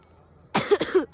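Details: Brief adult cough: a sudden harsh burst followed by a couple of quick voiced follow-through sounds.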